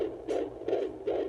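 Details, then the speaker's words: Fetal heartbeat on Doppler auscultation at six months of pregnancy, demonstrated for a university exposition: rapid, regular whooshing beats, about 150 a minute, stable with a good heart rhythm; normal fetal heart rate. "en este momento este es el latido del corazón de su pequeño baby está estable tiene un buen ritmo cardíaco"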